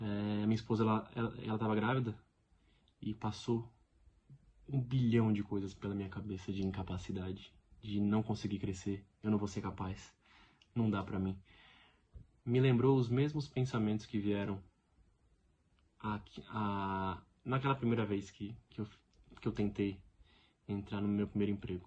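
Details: Real adult man who lives with stuttering every day. The finding is stuttering, in Portuguese speech.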